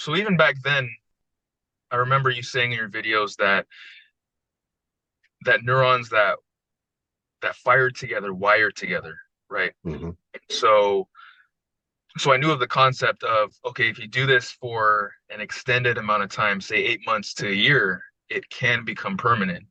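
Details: Adult man with a long history of stuttering including severe speech blocks, after about 2.5 weeks of smooth speech coaching with daily practice; speech presented as smoother and more fluent; stuttering, mild residual disfluency.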